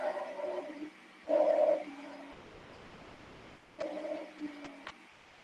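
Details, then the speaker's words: Wheezes: continuous, wandering whistle-like musical sounds in repeated bursts with breathing, from narrowing of large airways and bronchi; may appear early in bronchitis with mucosal oedema or with asthma, usually expiratory. "las sibilancias son ruidos continuos errantes parecido a los silbidos audibles sobre todo en los pulmones en suelen presentarse cuando hay un estrechamiento de las vías aéreas grandes"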